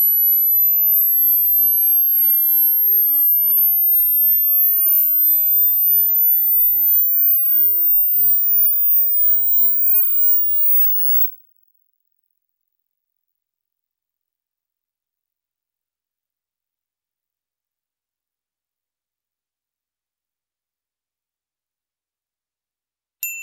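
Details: Pure-tone frequency sweep played as an informal hearing test, climbing steadily from 1,000 Hz toward 20,000 Hz for about ten seconds, thin and very high, then fading to silence.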